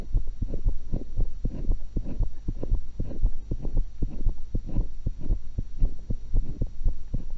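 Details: Own heart sounds recorded through one stethoscope while eating an apple and a cucumber: steady low thumping at about 115 beats a minute, faint background hum; normal heart sounds.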